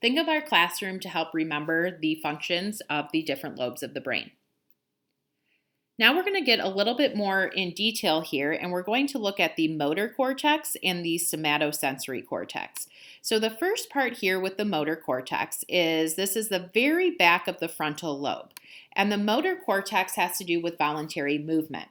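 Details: Adult woman speaking; normal speech.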